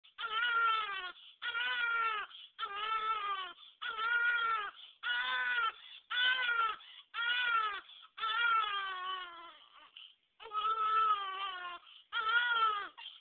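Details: Newborn born a few days ago crying: rhythmic, high-pitched wailing in repeated bursts of about a second with short breaths between; an ordinary newborn cry.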